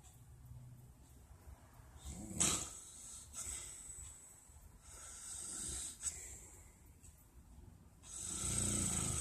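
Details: Father snoring during sleep, recorded on a phone: rough snoring noises on breathing in, with quieter gaps between breaths and some room noise.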